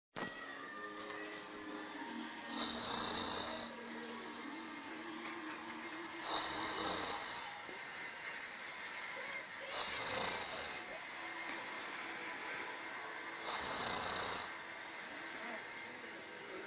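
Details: Snoring: four rough, rasping snores about every three and a half seconds, roughly 17 breaths a minute, over faint background music.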